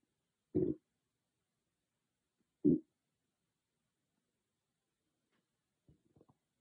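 Two loud low gurgling rumbles, then faint softer gurgles in a quiet room; ordinary stomach growling, harmless bowel sounds.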